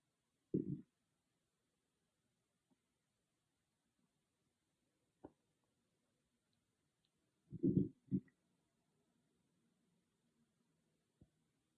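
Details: Stomach growling recorded with an iPhone, no dedicated microphone: low gurgling rumbles in a few brief bursts amid near silence; ordinary bowel sounds (borborygmi).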